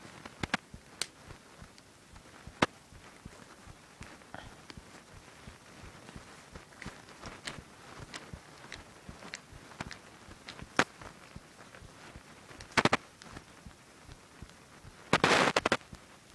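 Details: Knuckle cracking: a series of sharp pops and clicks over quiet rustling; person describes their knuckles as bad, a harmless joint sound.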